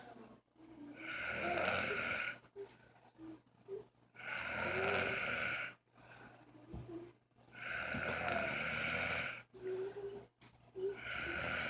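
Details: Man asleep with his fan off, snoring said to get louder; three long, harsh, whistling snores about 18 breaths a minute, softer rustling between; snoring.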